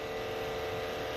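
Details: MiniFlow percussion massage gun switched on at a fast setting during a muscle recovery session: a continuous high whirring hum.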